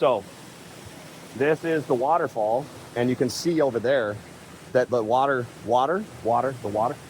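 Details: Word-finding difficulty (anomia) in a 51-year-old man with brain damage after brain cancer surgery, who is on many drugs, is relearning to talk, and also reports stuttering and losing his voice.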